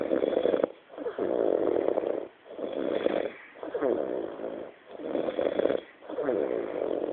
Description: A short video of a friend snoring after a Christmas night out in Bournemouth.